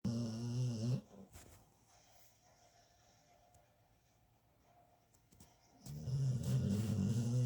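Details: Two low, rumbling snores on the in-breath, separated by a quiet pause of about five seconds; snoring, recorded 1 July 2022.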